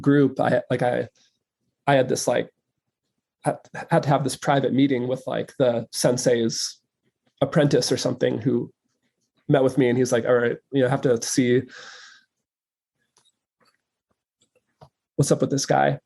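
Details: Adult male filmmaker who says he stutters, speaking in a conversation about stuttering; recording left unedited with disfluencies kept; stuttering.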